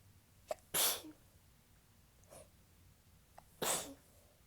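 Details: Adult who is stuffed up, sneezing during morning talking: two soft, tickly sneezes, each with a brief catch of breath before it, followed by light breathing; ordinary sneezing.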